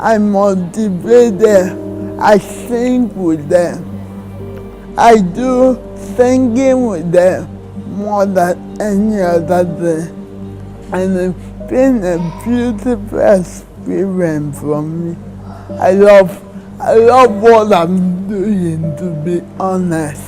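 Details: Woman in her 30s with cerebral palsy diagnosed in childhood, who reports her speech and walking have improved since childhood; dysarthria (cerebral palsy).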